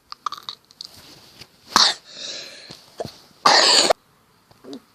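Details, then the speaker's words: Several short coughs, then one long, harsh, loud cough, with small mouth sounds between, from a person who has been coughing a lot and pausing while recording. "Sorry, cough again. I've been coughing quite a lot. I've had to pause this video a lot. Wait, I think I need to cough again."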